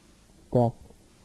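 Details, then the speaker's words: CNA training hearing-loss lesson, simulated common high-frequency hearing loss on a spoken word-list test: a single muffled word with crisp consonant sounds missing. "you will hear a list of 10 words that will simulate a common high frequency hearing loss write them in a column"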